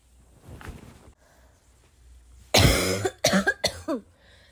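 A soft throat sound, then a loud harsh cough followed by two or three shorter coughs with a rough, wet edge.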